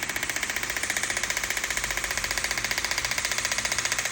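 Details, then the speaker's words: Rapid, steady mechanical tapping at about 220 pulses a minute, jackhammer-like: a shockwave (acoustic wave) therapy device applied to the knee for chronic knee pain at a chiropractic rehab clinic. "so that knee is going to really jump start the healing process with this shock wave or we call it acoustic wave therapy sounds kind of like a"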